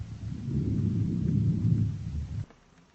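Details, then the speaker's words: Soft, low, rustling breath sound lasting about two seconds then fading, over the right upper back at symmetric auscultation points; normal vesicular breath sounds. "мы можем сделать заключение что приускультации в симметричных точках выслушивается везикулярно"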